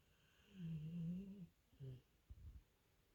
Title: dog zoomies in her sleep then back to snoring 😴